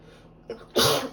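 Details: A brief catching inhale then one sharp explosive sneeze from a woman on the second day of a cold, sneezing repeatedly; sneeze.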